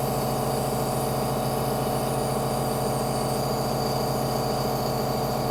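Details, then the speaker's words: Steady mechanical hum and rapid pulsing of a small compressor running without pause: a home nebulizer treatment in a quadriplegic smoker, who exercises with a Theracane and hand roller during treatment. "while i'm doing my nebulizer treatment i tend to exercise i brought my theracane in and i have my hand roller"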